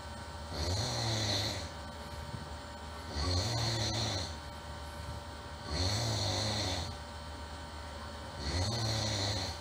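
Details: Human snoring: loud, regular, rumbling snores with a hissing edge, about 23 breaths a minute.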